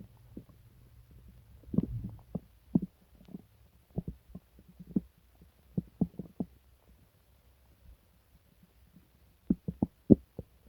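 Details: Person sick for days with stomach pain, diarrhea and nausea: irregular low gurgles and short rumbling bursts against a quiet background; borborygmi, stomach growling during upset stomach.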